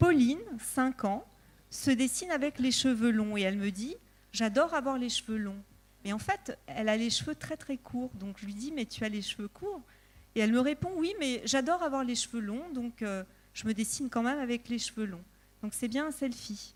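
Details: Adult woman speaking French; normal fluent speech.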